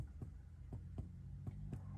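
Five soft, evenly spaced finger taps on the chest give a low, hollow note over a steady room hum: normal lung resonance.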